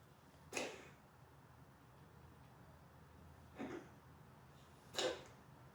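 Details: Coughing fit: three short, sharp cough bursts spaced a few seconds apart against a quiet room background.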